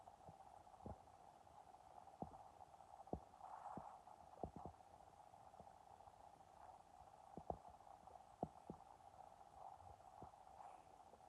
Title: My empty stomach growled and it gurgled #emptystomach #hungry #rumbling #starving